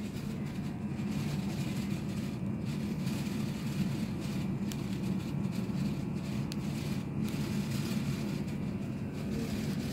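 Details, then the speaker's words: Automatic digital upper-arm blood pressure monitor with voice: a steady low motor hum as the cuff inflates right after start is pressed. "Oh pas di klik start langsung ini mengembang mengembang atau apa Memes mengembang"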